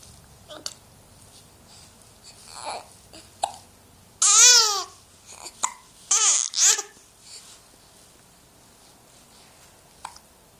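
Brief high-pitched vocal catches between soft babbling sounds, a few at irregular intervals; hiccups.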